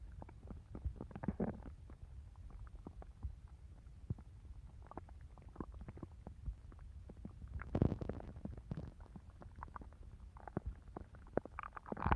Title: Opal's stomach growling